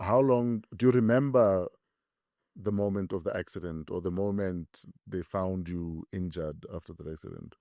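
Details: Adult male speaker; ordinary speech.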